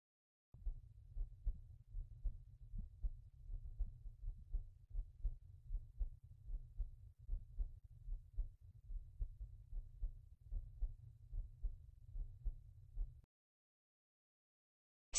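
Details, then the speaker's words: Intelligent stethoscope with synchronized ECG patch at the aortic valve area, second right intercostal space: regular low heart sounds about 76 beats a minute, no abnormality noted: normal heart sounds. "when the ECG signal becomes steady we can start to measure the heart sound SA is traditional one first listen to the atic valve"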